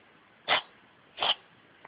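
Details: Two short, sharp nasal bursts about three-quarters of a second apart: sneezing, most likely from a dog.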